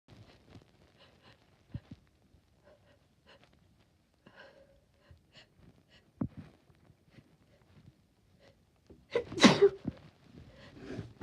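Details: Female with allergies, induced sneeze: quiet sniffs and breaths build up to one loud, sharp sneeze burst near the end.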